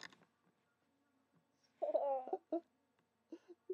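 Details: Two people hiccuping: short voiced catches recurring about every second in a quiet room.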